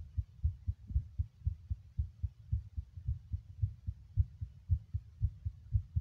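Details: Adult male heartbeat recorded while smoking: a steady low thumping beat at about 115 beats a minute, fast for rest.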